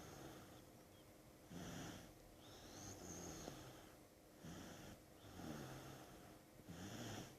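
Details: Snoring from a sick young child after two days of school.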